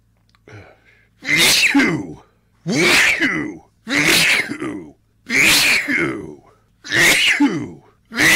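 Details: Person with tree pollen allergy in a rare rapid sneezing fit: five loud, explosive sneezes in quick succession, each preceded by a brief inhalation, about one every 1.3 seconds.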